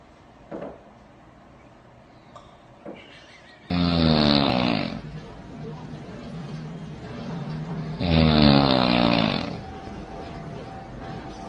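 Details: Heavy snoring in a sleeping husband: two loud, rattling, drawn-out snores on breathing in, with quieter breathing between.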